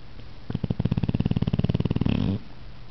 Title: Pit Bull Snoring (super snore)